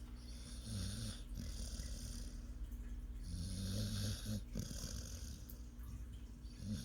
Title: my snoring dog